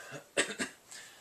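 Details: 31-year-old man with Tourette syndrome, with possible co-occurring OCD, mainly motor tics that began around age 9, plus vocal tics. A short, quiet double cough-like noise during an interview, a coughing vocal tic.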